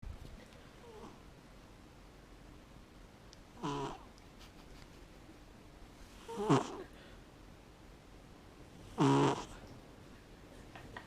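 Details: Sleeping cat snoring: short, soft snorting snores about every 2.5 seconds over a quiet background.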